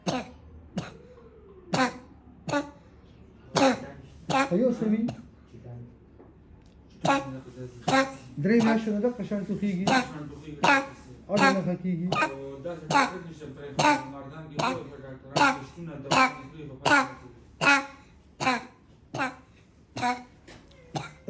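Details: Psychogenic cough in a child: frequent short, dry, repetitive coughs in runs, about 79 bursts a minute, with some voicing.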